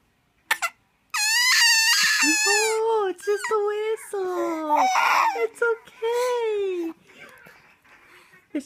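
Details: Five-month-old baby girl crying at the sound of a whistle: high, wavering wails broken by short whimpers, then quieting.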